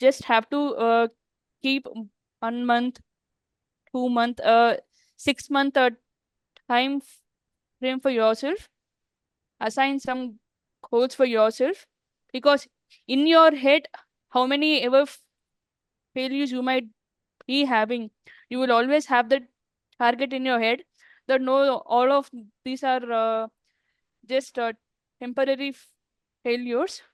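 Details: Woman who stammers, speaking in an interview with word and part-word repetitions; stuttering.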